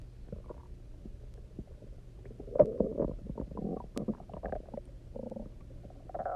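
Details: Person who had eaten almost nothing for 24 hours, then drank a lot of water and lay on their side: low, gurgling, bubbling rumbles of varying pitch from an empty stomach; harmless hunger borborygmi.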